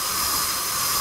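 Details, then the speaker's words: Simulated tinnitus: a steady high-pitched hiss likened to a pressure cooker, one of the types patients describe, which may be constant or intermittent. "e geralmente é um som que ele pode ser constante ou ele pode ser intermitente também e tem vários tipos de zumbido sim sim paciente geralmente ele refere como é um zumbido do tipo a itu cigarra abelha panela de pressão"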